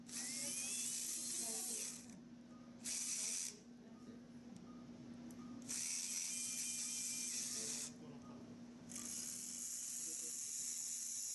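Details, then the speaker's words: Repeated high buzzing bursts with pauses: a small bone saw making the distal tibial tuberosity arc osteotomy in an open-wedge proximal tibial osteotomy. "Next, the arc osteotomy is made using a small bone saw by connecting all the dots."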